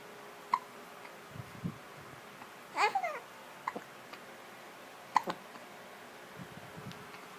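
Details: Brief, sharp hiccups at irregular intervals amid soft babbling from a happy baby, while a parent talks to her; ordinary baby hiccups.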